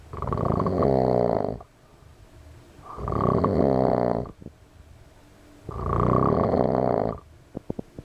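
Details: A friend snoring loudly enough to wake the house: three long, loud, rattling inhalation snores about every two and a half seconds, near 24 breaths a minute, with quiet exhalations between; snoring.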